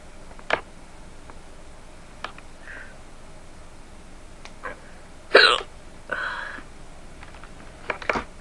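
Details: Hiccups recorded by the person having them, who says they keep coming back after seeming to stop: sharp, brief catches of breath recurring at irregular intervals in a quiet room.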